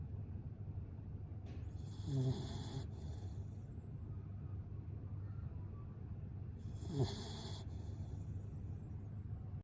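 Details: Sleeping dog snoring: two loud, rattling snores about five seconds apart over a steady low rumble.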